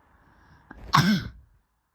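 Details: Person just woken in the morning: a brief catch of breath, then one sharp, forceful, partly voiced burst of air; a single sneeze.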